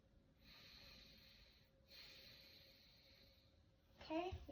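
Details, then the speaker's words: Two soft, even breaths with a gentle airy rush on deep breathing, auscultated over the anterior chest by a student nurse; unlaboured, bilaterally symmetrical, no adventitious sounds, no wheeze or crackles; normal breath sounds. "my patient breaths sound unlabored un bilaterally symmetrical I don't hear any advantous sounds"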